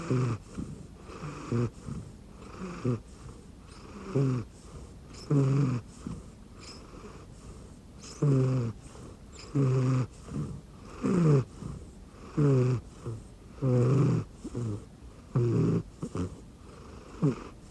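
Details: Snoring in a sleeping rescue cat resting on an arm pillow under a futon: regular low, rattly snores, about 44 a minute, each with a soft purring buzz.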